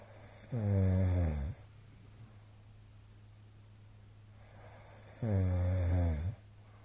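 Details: Middle-aged man's very loud snoring during sleep: two loud, rattling, low-pitched snores on breathing in, about five seconds apart, with quiet breathing out between; heavy snoring.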